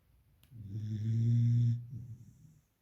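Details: Beagle puppy in deep sleep: a single low, droning snore of about a second and a half, fading with a softer breath after; snoring.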